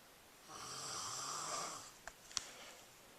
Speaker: I think that perhaps I will have to sleep elsewhere tonight I don't even think that the heavy-duty earplugs can calm the noise of the snorosaurus